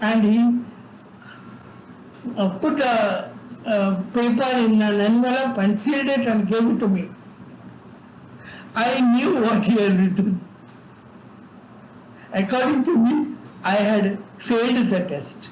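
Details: Adult man with severe cerebral palsy from birth, involuntary tremors in all parts of his body, unable to talk until age eight; dysarthria, though no speech disorder is named directly.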